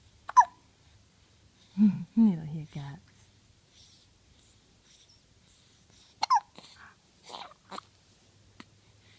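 Sudden short gulping hiccup sounds at irregular intervals, mixed with soft infant vocal sounds; hiccups.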